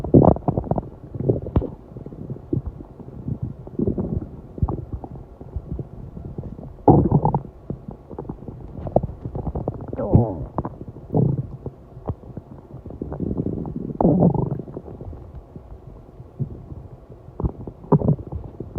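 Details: Stomach after a 7-hour fast: repeated low gurgling and rumbling bursts, some long and loud; hunger stomach growling (borborygmi).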